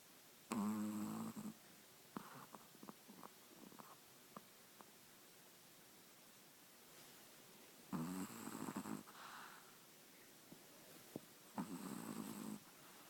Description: Caught on video, my little puppy snoring on a lazy Sunday ;)